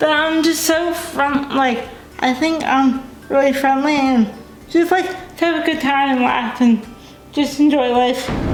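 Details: Dysarthria in a young adult woman with cerebral palsy, a brain injury before birth. She uses a wheelchair, cannot walk, has limited fine motor skills, and says she is sometimes hard to understand.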